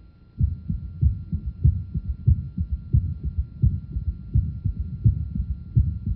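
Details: Adult woman, stethoscope at the lower left sternal border, 1993 auscultation symposium: regular low-pitched heartbeat thumps over a faint steady hum; normal heart sounds.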